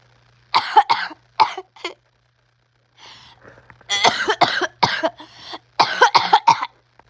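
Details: Person's prolonged coughing fit, about three minutes, interrupting their attempts to speak: repeated harsh coughs in clusters, about nine bursts, with brief pauses and throat clears between groups.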